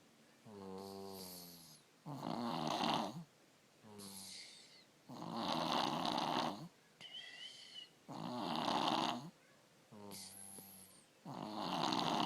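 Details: 3-year-old child with strep throat snoring, worse than usual; parent considering an ENT visit: loud, rough snoring at about 19 breaths a minute, rattling on both inspiration and expiration.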